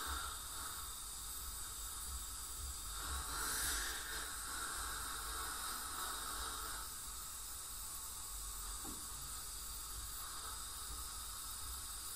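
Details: Professional teeth cleaning (scaling or full-mouth debridement) by a dental hygienist on a patient with heavy plaque and tartar and possible gingival inflammation: steady hiss of ultrasonic scaler water spray and suction rising and falling, with brief gurgles.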